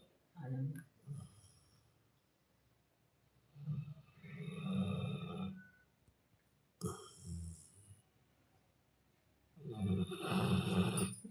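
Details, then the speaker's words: Sleeping Golden Retriever snoring: soft, low snuffling snores in irregular bursts with quiet pauses between. "पूवा दादा जैसा खराटा है इसका। पूरा परिवार एक साथ सो रहे हैं"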